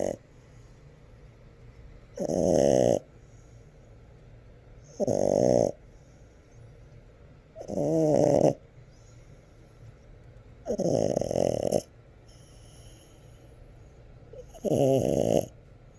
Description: French Bull Dog snores video #1